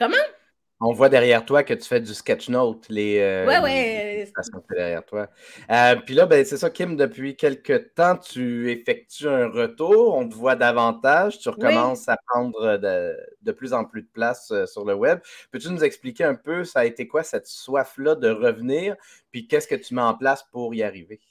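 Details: Adult male speaker; Typical speech.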